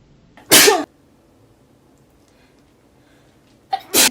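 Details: Two sharp, explosive sneezes a few seconds apart, triggered by a COVID-19 rapid antigen home-test swab inserted at least 1.5 cm into the nose and rotated; adult who had tested PCR-negative the day before after a coworker's positive result.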